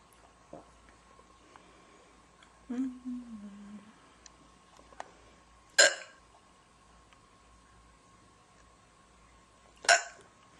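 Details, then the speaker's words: Girl with hiccups: two sharp, abrupt hiccups about four seconds apart in a quiet room, with a brief voiced sound between them; she finds the ongoing episode annoying and feels holding her breath makes it worse. "Waiting for them to be over. Because I can't do anything else until they're over. It's annoying."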